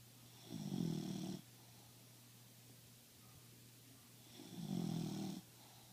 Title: maebull snoring